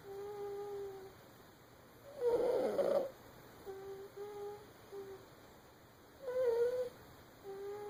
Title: Snoring baby